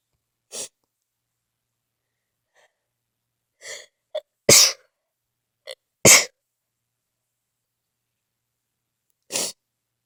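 A run of sharp, explosive sneezes with small preceding inhalations, about four or five in ten seconds: a sneezing fit.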